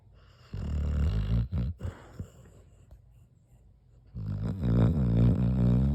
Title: Fat dog snore